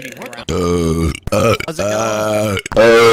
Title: Soup burp compilation part 2